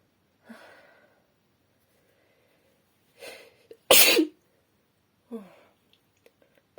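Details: Female with a slightly sore throat and mild nasal congestion since yesterday, deliberately trying to sneeze: a quick in-breath, then one sharp, explosive sneeze with softer breathy sounds around it.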